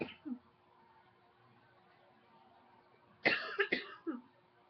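A short burst of two or three dry coughs after a quiet pause, in a quiet room.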